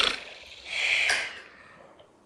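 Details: Young child snoring, shown to illustrate snoring: a noisy, hissing breath drawn in, then a short, low, voiced snort on breathing out.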